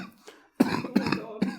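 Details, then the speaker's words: Adult man ill with cold or flu and headache: a short run of three harsh, dry coughs without wet rattle, described as painful-sounding. "know what the worst bit is? When you cough. And you can hear the dryness of the cough. Which means everyone can hear how much it hurts."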